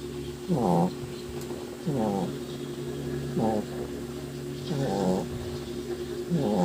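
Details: Sleeping foster Shih Tzu dog snoring: rhythmic nasal snores on each breath, roughly 40 a minute, over a steady background hum.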